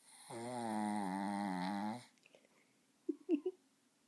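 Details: One long, buzzing, vibrating snore lasting nearly two seconds, followed by a few small snuffles from a sleeping puppy; puppy snoring.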